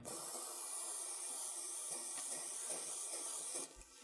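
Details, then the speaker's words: Steady hissing of ethyl chloride cold spray for about 3.5 seconds, numbing the cleaned skin over a marked finger tendon sheath before a needle injection of hydrocortisone and local anaesthetic; cold spray. "I'm going to clean up the whole area of the tendon sheath leaving the mark along the tendon and then use if our chloride spray"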